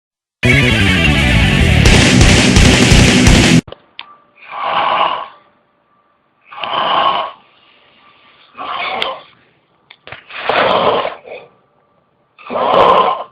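Loud music, then slow rough snores with a faint background hum.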